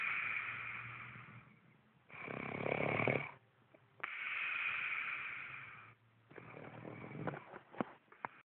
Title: Mom snoring